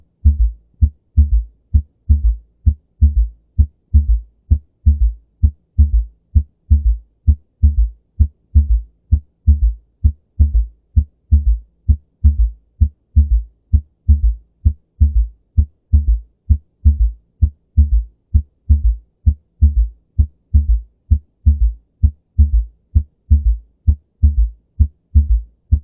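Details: Third heart sound (S3 gallop), attributed to abrupt deceleration of left ventricular inflow in early diastole: steady heartbeat near 65 a minute with a soft, low extra sound in early diastole after S2.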